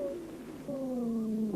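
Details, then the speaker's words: Stethoscope chest auscultation of a patient during a bronchial asthma attack: sustained musical whistling at several pitches at once, dry wheezes from bronchospasm and viscous secretions narrowing the bronchi; wheezes. "Сейчас вы слышите сухие хрипы у больного во время приступа бронхиальной"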